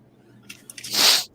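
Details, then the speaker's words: An adult who forgot an allergy pill the night before and is sneezing a lot: a few faint nasal clicks, then one sharp hissing burst of air, a single sneeze. "gotta take an allergy pill man i think i forgot it last night sneezing like crazy"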